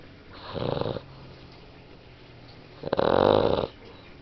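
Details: Sleeping dog snoring: two rough, fluttering snores on breathing in, separated by quiet pauses; ordinary snoring.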